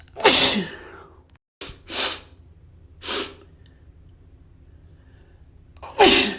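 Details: Escalating run of about four forceful, hissing sneezes with quiet pauses between them; repeated sneezing.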